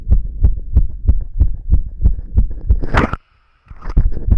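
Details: Boy's own long recording of his heart beating fast, felt and visible in his chest: loud, fast, regular thumps at roughly 190 beats a minute, briefly broken by a rustle and pause; rapid heartbeat.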